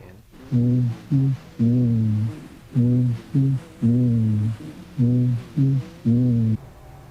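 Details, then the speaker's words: Chest auscultation during a thorax and lung examination: patient's repeated spoken "ninety-nine" transmits through the chest wall louder and clearer than normal; bronchophony, checked where bronchial breath sounds are heard. "voice sounds that are louder and clearer than normal as in this example are called Branca funny"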